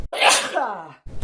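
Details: Woman's sneeze, attributed to a dust allergy in a comedy sneeze video: one loud, voiced sneeze with a sharp burst that fades into a falling vocal trail.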